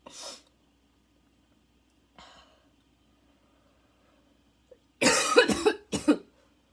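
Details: Second coughing fit minutes after an earlier one: crazy barking coughs with wheezing, lungs struggling, inhaler badly needed.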